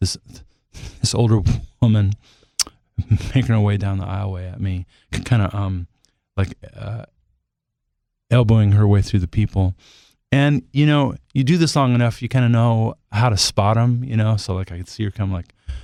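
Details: Adult male singer who stutters and says he has become more fluent with age, and that it is worse when he doesn't want it to happen; recorded while he has a cold; stuttering.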